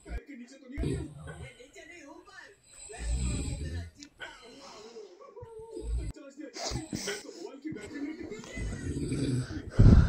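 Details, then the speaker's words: Snoring of a sleeping older man (a fellow theatre-troupe member, called Dada) at night, described as a terrible noise. "কিন্তু আমাদের দাদার নাক ডাকা শব্দে আমি ভাবছি একটু রেকর্ড করে নিয়ে আপনারা শুনুন, ভালো করে শুনতে পাবেন কি ভয়ানক আওয়াজ।"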